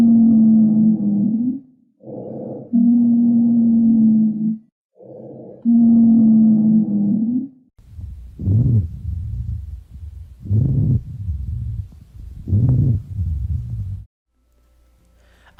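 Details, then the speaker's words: Lung auscultation with continuous adventitious sounds: a higher-pitched whistling wheeze, then lower-pitched rhonchi, which are more common in expiration, heard with each breath; wheezes and rhonchi from airway narrowing or obstruction. "são sons agudos comuns nas bronca sendo os roncos mais graves"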